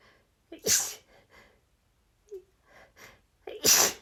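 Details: Female stifled sneezes leading to a nonstop, rapid sneezing fit: two loud explosive sneezes, each preceded by a sharp inward gasp, with small stifled sneezes in between.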